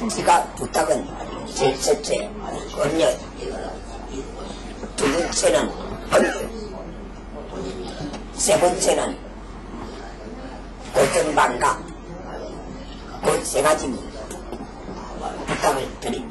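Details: Man who lost his voice to laryngeal cancer 30 years ago, speaking with device-free esophageal speech (air stored in the esophagus vibrating pharyngoesophageal tissue); rough voice: esophageal speech after laryngectomy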